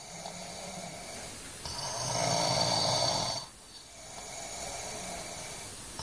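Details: Overweight Chinese boy snoring in sleep: one long, loud, harsh rattling snore of nearly two seconds, then quieter breathing over steady room noise.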